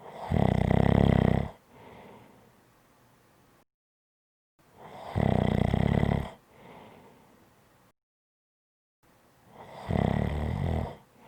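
Loud, deep rattling snores on each breath in, each followed by a soft breath out, with the breath cycle repeating roughly every four seconds.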